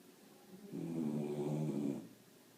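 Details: Sleeping puppy snoring: one drawn-out, low, rattling snore on a breath lasting over a second.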